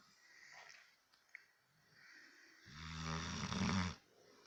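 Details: Sleeping Cane Corso dog: quiet breathing, then one loud, deep, rattling snore on an in-breath.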